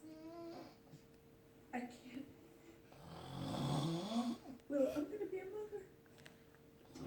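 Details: One long, rough, rumbling snore on an inbreath, with television speech and music in the background of a small room; snoring.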